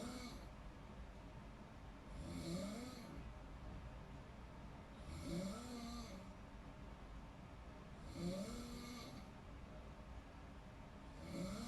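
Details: Snoring in deep sleep: rhythmic low rattling snores with breathy inhalations, about 20 breaths a minute.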